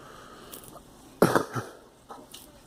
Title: Girl coughing